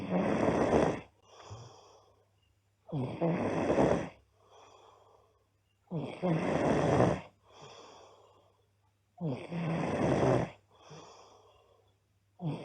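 Loud rattling snores on each breath in, with softer breaths out, about 19 breaths a minute: heavy snoring.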